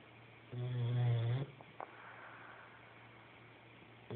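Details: Sleeper snoring and puffing: one low, buzzing snore on the in-breath, then a soft puffing out-breath, in a quiet room; snoring.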